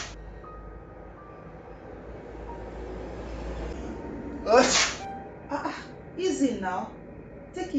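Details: Husband sneezing: several sharp sneeze bursts in quick succession over faint background noise, with wife saying bless you and fearing he has flu; ordinary sneezing.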